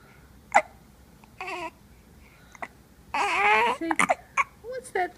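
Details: Infant boy holding his father's finger: several short, sharp hiccup bursts mixed with brief fussy vocal sounds and soft cooing; hiccups.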